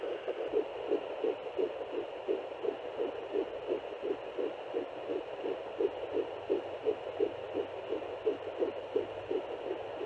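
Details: Fetal heartbeat found at home with a handheld fetal Doppler at 8–10 weeks of pregnancy, fast regular galloping whooshes at about 170 per minute.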